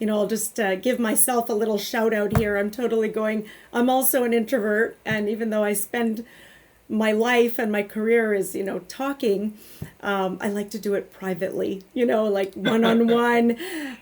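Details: Adult woman speaking; typical speech.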